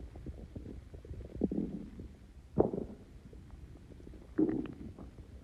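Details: Extremely bubbly stomach growls after Coke and Mentos: low gurgling, bubbling rumbles in several bursts over a few seconds as gas moves through the gut; borborygmi.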